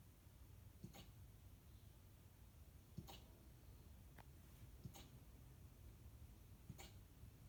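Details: Hiccups in an 11-week-old Siberian Husky puppy that gets hiccups every few days and is said to be fine: soft, short hiccup jerks, about five in seven seconds, over low room noise.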